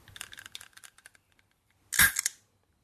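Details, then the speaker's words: Light rattling clicks, then one short sharp hiss as a child's blue Ventolin (salbutamol) reliever puffer, a metered-dose inhaler for asthma, fires its puff. "I hope you enjoyed that sound effect of my son's Ventolin puffer."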